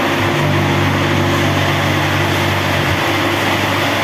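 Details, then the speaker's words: Older-generation helium-cooled superconducting MRI magnet on life support during transport from factory to site: loud, steady mechanical hum with low drone and hiss as the helium compressor and cold head cool the magnet. "Um so this is on life support. Um this is way it's transported from the factory to the site. You can hear the um going that is to compress and to cool down the magnet."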